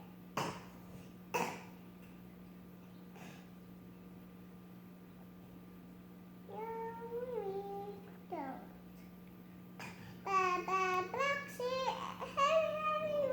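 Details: Cough from a person who is singing and coughing.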